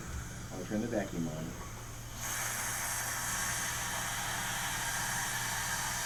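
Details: Dental vacuum suction during mouthpiece placement: brief spoken phrase, then a steady loud hiss begins and continues as water is suctioned from the mouth.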